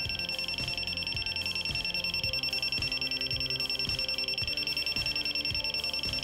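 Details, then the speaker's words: Steady high-pitched beeping, about 150 a minute, from a Neatcell pulse laser firing during tattoo removal on skin, with low clicks and hum underneath; user reports stinging and burning hair. "alright I spend my laser I don't know why they make it beep it goes up to some different settings"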